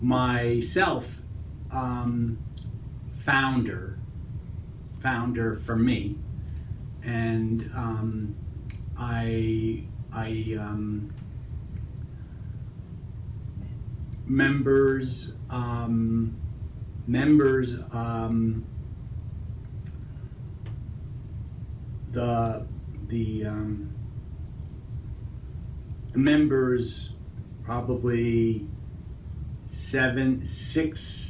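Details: Broca's (non-fluent) aphasia in a stroke survivor seven years after stroke, with intact comprehension and severe word-finding difficulty affecting almost all words; Broca's aphasia (non-fluent aphasia).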